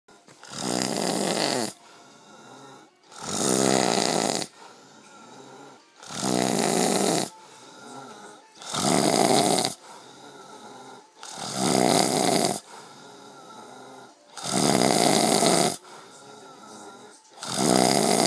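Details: Man (the uploader's brother, who denies snoring) asleep: loud rhythmic snores about 22 a minute, each a rough noisy breath with quieter pauses between; plain snoring.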